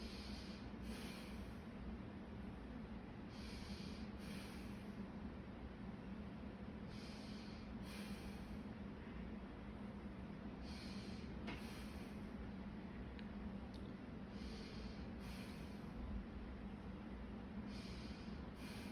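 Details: Deep, regular breaths heard through a stethoscope on the chest as the patient breathes deeply on instruction, each with a soft inhalation and exhalation rush; normal breath sounds.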